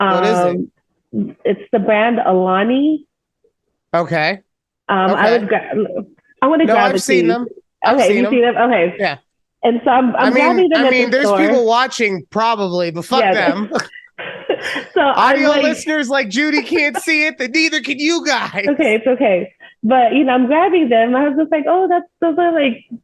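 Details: Adult woman speaking; typical voice.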